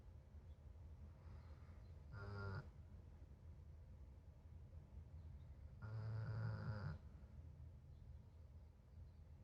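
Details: Two low, rattling snores several seconds apart over a steady low background hum; snoring.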